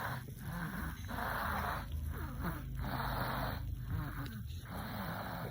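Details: Baby snoring, with the parent worried that a baby snores like this: noisy, rattling, snorting breaths with squeaky tones, repeating about every second over steady background noise; snoring.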